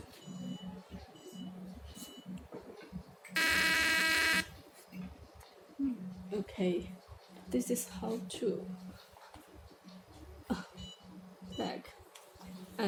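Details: CO2 fractional laser machine firing in fractional mode with face settings: a loud, steady buzzing tone lasting about a second, with short beeps, faint talk and music around it.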